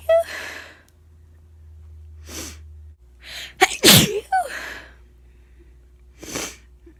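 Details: Adult with a lingering illness sneezes several times, each burst preceded by a breathy intake: wet, congested sick sneezes.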